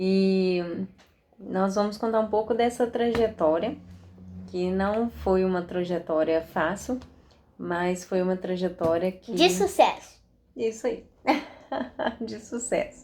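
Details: Adult woman speaking Portuguese; typical adult speech.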